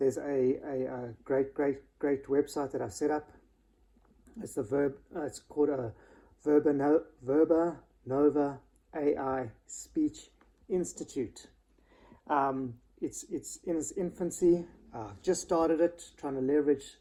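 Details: Adult male who has stuttered since about age 6, worse in stressful situations and on words starting with 'st'; stuttering.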